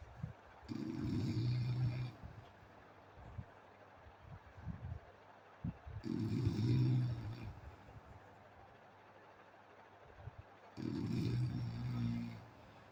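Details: Three loud, low rumbling snores on breaths in, about 12 a minute, with quiet breathing between; snoring during sleep.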